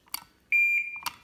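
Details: A steady high-pitched tone while the foot switch is pressed, between faint clicks: bipolar diathermy activation tone from a Surtron LED unit during set-up.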